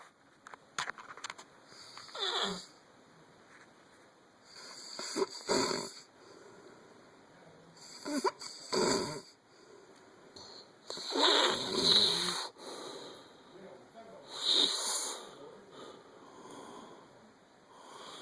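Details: Loud, harsh, rasping snores at a steady pace of about 19 breaths per minute during sleep, recorded by the snorer's younger brother.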